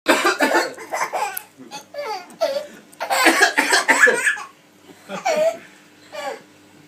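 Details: Person coughing. Cough.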